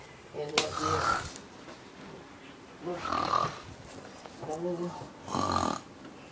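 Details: Grandmother sleeping; loud, rough snoring sounds recurring irregularly, about four in six seconds, with rattling quality on some breaths; snoring.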